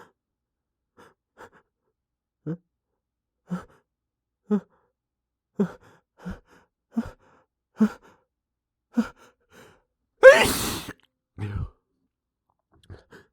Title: Utterly failed at holding back some loud sneezes (m)